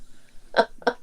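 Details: Vocal tic (repeated throat-clearing, many times within minutes) in a woman who also has physical tics such as squinting; she says they worsen with stress and ephedrine-containing allergy medication, are not Tourette's, and are not formally diagnosed.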